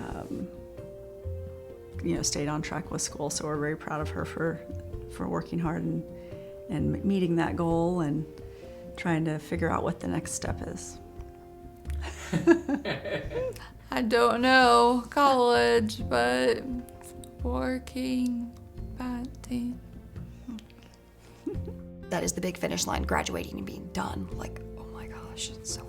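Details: Aphasia in a teenage girl after a stroke at age 16 that damaged the brain's communication area, also affecting reading and writing, following a coma with initially no speech; short, halting fragments; aphasia.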